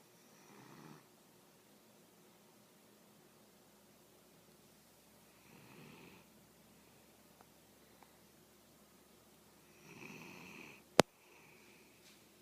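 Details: French bulldog snoring: three slow, soft snoring breaths about five seconds apart, with a sharp click near the end, in a quiet room.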